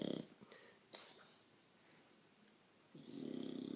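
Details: Bulldog snoring: loud fluttering snores, two breaths separated by a quiet pause.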